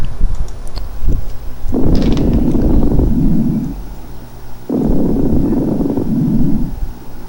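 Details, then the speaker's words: Coarse crackles (subcrepitant, medium-bubble rales) on chest auscultation: low bubbling trailing like a tail of bubbles at the end of expiration, from air passing secretions in small bronchioles, as in bronchitis or bronchiolitis. "pero les decía que pongan la atención durante la espiración al final de la expiración se escucha como una estela como una colita de burbujas"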